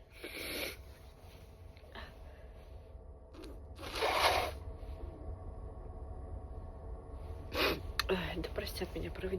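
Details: A person on a train gives two or three short, muffled sneeze bursts, apparently induced, with painful attempts before them; quiet rumbling train noise.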